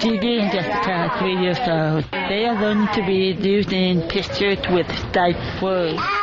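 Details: Deaf speech of an adult woman, a deaf news reporter, narrating a news report.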